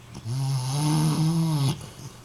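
A single long, low, buzzing breath lasting about a second and a half: a snore.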